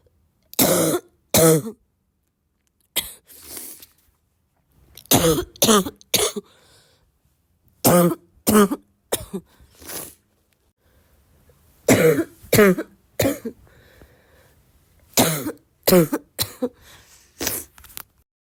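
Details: Repeated harsh coughs in pairs and short runs, about fifteen coughs, from an adult who is still sick and coughing a lot; persistent cough.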